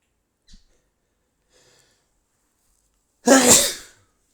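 A faint breath in, then a single loud, explosive sneeze in a quiet room.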